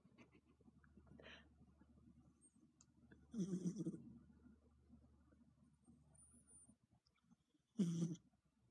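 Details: Snoring from a sleeping cat: soft, irregular breathing noises with two louder snorting snores against a quiet room hum.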